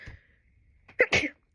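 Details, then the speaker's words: A quick indrawn breath, then an explosive double burst of air from a postpartum woman who says she sneezed about six times in a row, more than ever before; sneezing. "Oh my god, I've never sneezed that many times in a row. Am I okay?"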